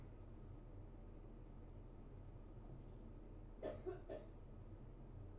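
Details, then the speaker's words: Roommate's cough from a different room, picked up clearly by a Blue Yeti USB microphone during a sound test. "as you can hear uh my one of my sweetmates coughed and he's in a different room than I am and you can hear it pretty clear on the CTI"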